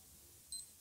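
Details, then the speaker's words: Simulated clinical skills OSCE for diabetic fingerprick blood glucose testing: one brief sharp click from a spring-loaded lancing device fired on the outside of the finger, drawing a small blood drop; reading 5.6. "so we're just going to fire on the outside of your finger so one two three fire okay so we've got a little bit of blood there that's good"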